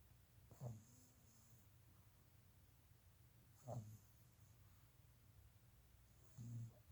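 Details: A pug puppy snores and dreams during an after-lunch nap: three short, low snorting breaths, about 20 a minute, with faint whistling between.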